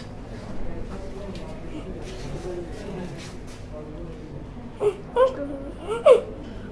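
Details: Vocal tics in a male patient with Tourette syndrome, a neurological disorder, presenting with motor tics in different body parts along with abnormal sounds.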